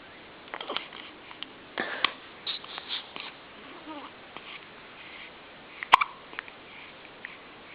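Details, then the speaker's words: Baby boy's hiccups, likened to a mouse: soft, high, squeaky hiccups with an adult talking quietly nearby; ordinary infant hiccups. "Are you okay? Poor thing. Poor thing, your hiccups."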